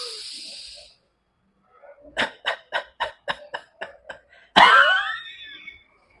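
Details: Adult pulmonologist demonstrating huff coughing while seated, optionally hand on abdomen, for sputum clearance in COPD, asthma, bronchiectasis: short breathy huffs then one stronger forced huff; forced expiration technique.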